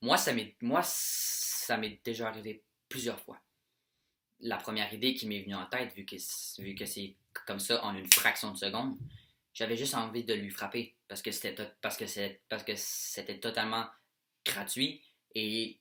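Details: French-speaking male who has stuttered since childhood; worse with anxiety, excitement and stress; tries to ignore it while filming; stuttering.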